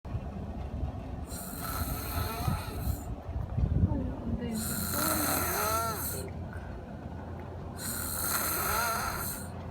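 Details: Person snoring: three loud, rough, rattling snores, each lasting over a second, separated by quiet pauses of steady breathing noise; ordinary snoring.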